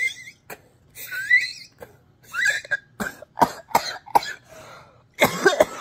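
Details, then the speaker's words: Adult who has had breathing trouble for four days, and who used a nebulizer before going to the emergency room, demonstrates a few wheezy, whistling breaths and then a bout of harsh, hacking coughs. "I could breathe like this now if you listen real close you can hear me wheeze let me see if I can well it was it was louder than that it was like"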